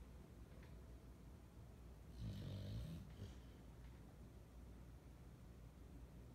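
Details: Sleeping dog snoring: a single low, rattling snore on an inhaled breath amid quiet room noise, then quiet breathing.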